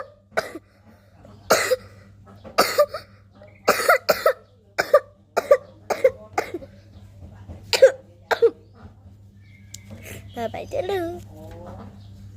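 A run of about ten short, sharp coughs, followed by a brief faint voiced or whistling sound.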